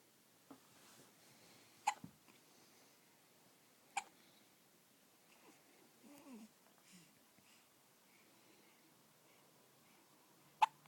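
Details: A baby girl lying in bed after her morning feed with hard hiccups: four sharp, brief hiccups about every two to three seconds, with soft baby noises between, in a quiet room.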